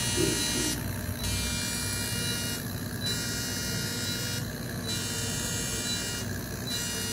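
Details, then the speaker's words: Loud continuous whirring drone with rhythmic hissing bursts about every two seconds: fractional CO2 laser resurfacing of a post-burn facial scar after numbing cream, the fifth and final session following four earlier ones. "मैले सुरु गरे है त उहाले नम्बिङ cream लगाइसकेको छ पुछिसक्यौ अब हामीले अब treatment start गर्छौ।"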